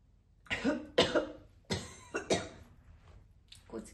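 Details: Mature adult woman smoker, coughing while smoking a cigarette she calls stronger than usual: four harsh, hacking, partly voiced throaty coughs in quick succession, then quieter breathing; real smoker's cough.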